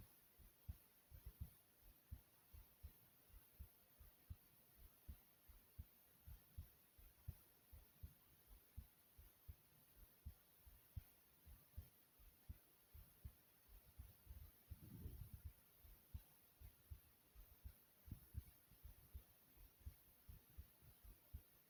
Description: Listen and enjoy the sound of my heartbeat.